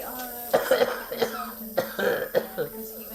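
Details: A 55-year-old man with a year-long chronic cough that suddenly worsened, with difficulty breathing, wheezing, chest and upper back pain, and coughing up blood: about six harsh, rapid coughs in close succession over a mechanical hum, a coughing fit.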